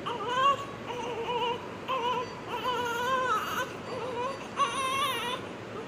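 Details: Repeated strong, high-pitched wailing cries from a newborn right after delivery in a noisy room; a vigorous newborn cry.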